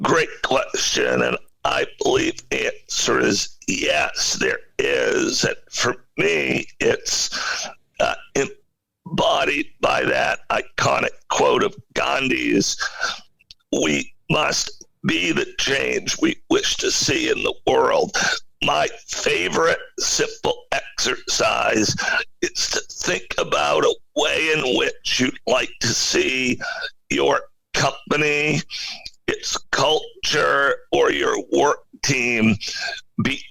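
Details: Spasmodic dysphonia in an adult male CEO: a very rare neurological voice disorder affecting only speech, with no known cause or cure, acquired suddenly in 2010.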